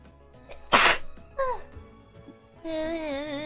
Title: triple sneeze attack...